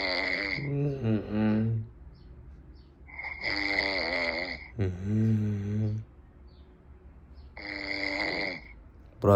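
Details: A sleeping man gives loud, rattling snores on the in-breath, about four in nine seconds, with a groaning, voiced out-breath; snoring.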